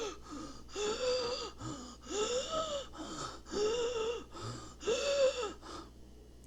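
Four loud, harsh, high-pitched whooping breaths drawn in with short pauses between: an adult's vocal imitation of stridor.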